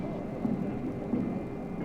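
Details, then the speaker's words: Astronaut's adult heartbeat during preparation for a centrifuge run simulating 10 times Earth's gravity, on an old radio broadcast: two muffled low thumps under heavy rumbling hiss. "As I talk, you hear the heartbeat of one of the astronauts as he is being prepared to simulate the gravity pressures of 10 times the earth's gravity pull in a man-made whirling merrygoround called a centrifuge in Johntown, Pennsylvania."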